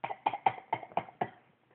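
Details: A congested child, unwell and low on energy with "stuff in his lungs", gives a quick run of six loose, wet, productive-sounding coughs.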